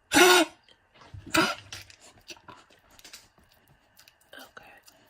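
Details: A dog coughing in the morning: two harsh, forceful coughs followed by quieter throat and breathing noises.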